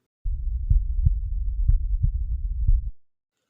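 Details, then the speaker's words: Normal first and second heart sounds on stethoscope cardiac auscultation in a quiet room: low, regular paired thumps at about 60 per minute. S1 is tricuspid and mitral closure at ventricular systole; S2 is aortic and pulmonary closure at diastole. "el primer ruido se debe al cierre de las válvulas tricúspide mitral debido a la sístole ventricular segundo ruido se produce por el cierre de las válvulas aórtica y pulmonar debido a la diástole particular"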